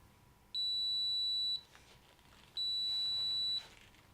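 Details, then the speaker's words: Philips DreamStation AVAPS AE home non-invasive ventilator alarm: two long high-pitched beeps about two seconds apart, signalling a problem; the alarm self-cancels once the issue is fixed. "The machine may alarm to tell you that there is a problem."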